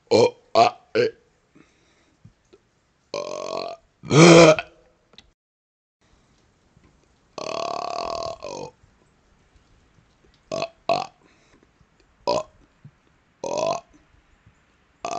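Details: Deliberate burping outdoors on a 2nd-floor porch during a cold snowstorm: repeated loud voiced belches, some short, some drawn out, separated by silence.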